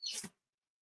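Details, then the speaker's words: Dog sneeze: a single quick, hissing burst of air with a soft snort at its end; chicks can be heard in the background. "that was a dog sneeze"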